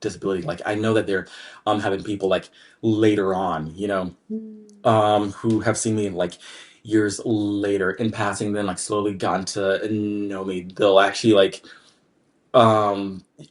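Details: Adult man with lifelong, anxiety-based stutter present since childhood, triggered mainly by word-initial B, P, D and hard G sounds, drawn-out M sounds, humidity and background noise; stuttering.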